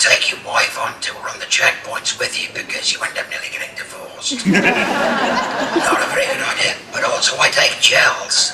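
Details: Adult laryngectomee after cancer, speaking through a speaking valve while answering an audience question. Tracheoesophageal speech after laryngectomy.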